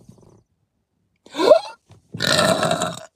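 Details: Two loud, deep, drawn-out burps from a woman in a quiet room, the second longer and rougher, amid repeated uncontrollable burping.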